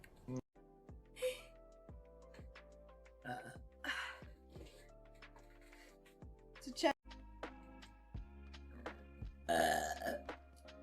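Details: Female game streamer's burping compilation: a few voiced burps over steady game music and electronic sounds, with brief speech between them; burping.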